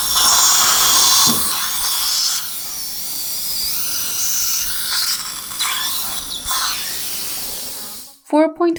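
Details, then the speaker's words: Dental implant osteotomy in a 63-year-old male, upper site 16, using an OneGuide guided-surgery template. Bone quality is poor. High-pitched surgical drill whine with hissing irrigation. "by 10 millimeter drilling is done bone quality is not very good ps3 5.0 by 10 millimeter is going to be done and final drill is going to be done up to 4.5"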